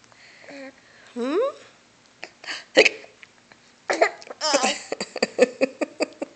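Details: Repeated short, abrupt hiccups from a young girl, mixed with her voice and brief adult talk in a small room; hiccups.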